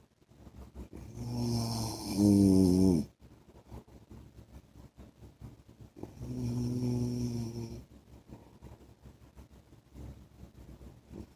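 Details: Adult man's snoring during sleep: two long, rattling inspiratory snores, one rising into a honking tone, with quiet pauses and faint ticking background.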